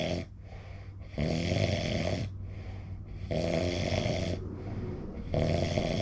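Long, loud, rasping snores on each breath in, with softer breaths out between them; steady heavy snoring, about 10 breaths a minute.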